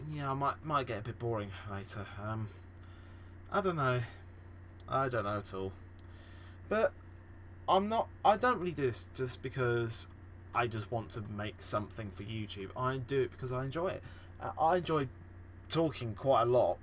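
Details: Real, self-reported stammering and stuttering in a male podcast host, with repeated and revised words in this stretch; finding: stuttering.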